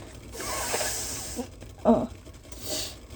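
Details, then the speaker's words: Person leaning over steam to open sinuses before nose blowing into a bandana: long hissing breath, then a sudden loud single sneeze and a rushing exhale as the nose is blown. "so okay so I'm just going to lean over the steam here oh this is almost wanting to make me sneeze it's so yeah it's definitely opening up my SES this is why I did this"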